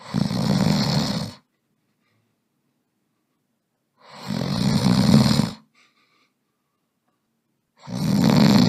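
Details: Snoring during sleep: loud, rough snoring on each breath in, separated by long quiet pauses; about three snores in nine seconds.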